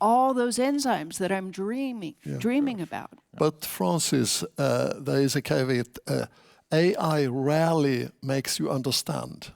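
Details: Adult; typical speech.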